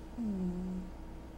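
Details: 14-year-old male cat snoring: a single faint, low, drawn-out humming note under a second, dropping slightly in pitch, over quiet room noise; an unusual, very strange tonal snore.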